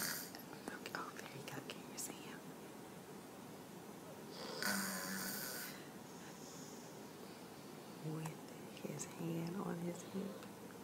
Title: YES...THAT'S THE BABY(2yrs old) SNORING THAT LOUD !!! Lmbo !!